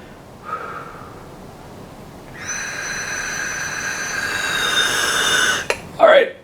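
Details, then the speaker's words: Forceful inhalation through an In-Check Dial inspiratory flow meter set for a Diskus inhaler (needs at least 30), by a person with healthy lungs: rising whistling air rush, final extra pull reaching about 70, then a clack. "now I'm going to take my breath in see if I can do it now I need to pull uh at least 30 for this"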